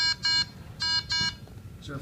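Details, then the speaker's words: Two pairs of high-pitched electronic beeps over a low hum: high peak-pressure alarm on a miniature battery-powered pandemic ventilator (Automedx, DARPA-funded) ventilating a fake lung in a demonstration, pressure in the lung too high. "so right now we're hitting a peak pressure that we're hitting the pressure in the lung it's a little too high"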